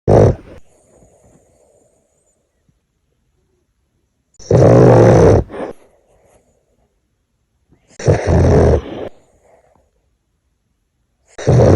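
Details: Loud, deep, rattling snores about every 3.5 seconds with quiet pauses between, from a sleeping dog; heavy snoring.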